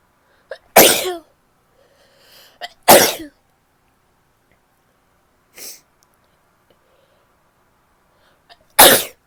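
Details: Female sneezing: three loud, explosive wet sneezes, each with a short in-breath before it, and a softer stifled burst between them.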